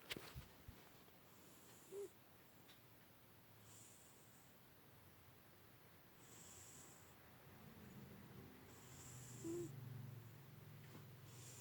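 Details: 16-year-old tabby cat napping, with soft, regular hissing snores at about 24 breaths a minute and a faint low rumble; snores like a human.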